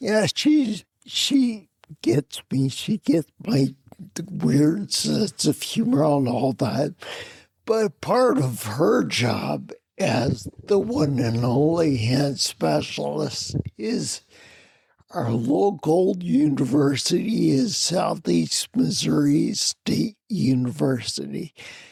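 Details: Adult man with spinocerebellar ataxia of unknown cause, slurred speech since around 1999, difficulty being understood on the phone; ataxic dysarthria.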